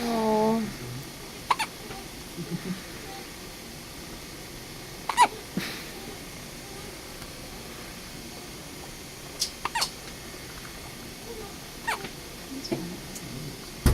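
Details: Hiccups, with a new tube mentioned just before: brief sharp clicks at irregular intervals, about nine in fourteen seconds, in a quiet room.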